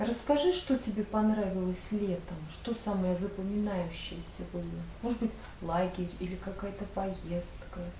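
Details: Adult woman speaking Russian; typical speech.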